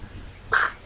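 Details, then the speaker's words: 13-day-old baby girl relaxing on the couch with dad: a single tiny, high-pitched newborn sneeze in a quiet room. "Oh, bless you. Sneezers. Sneezers."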